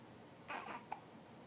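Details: A baby with hiccups: a brief gasping burst followed by a sharp, abrupt catch, in a quiet room.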